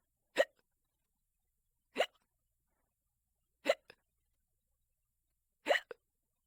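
Four sharp, isolated hiccups roughly every one and a half to two seconds in a quiet room; typical hiccups.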